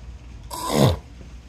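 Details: A brother snoring on a beach trip: a single loud, rough snort-like snore that drops in pitch over about half a second, against quiet room noise.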